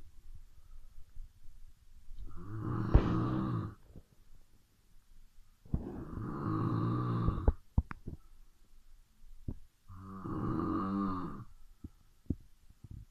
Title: Ronquidos a media noche.